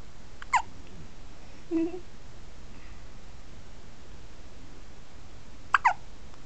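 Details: 1-week-old sleeping baby boy with hiccups: short, sharp, isolated gulping sounds against quiet background hiss.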